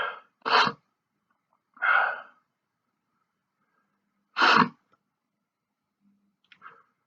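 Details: Male sneezing fit set off by sniffing sneezing powder in both nostrils: three loud sneezes with short in-breaths before them, then a faint stifled sneeze at the end.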